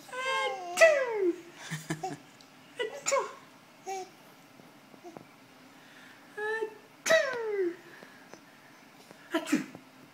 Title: Babies laughing at fake sneezes